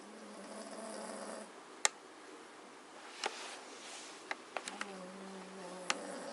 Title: Schnarch - Hrrrk . snoring Magyar Vizsla Family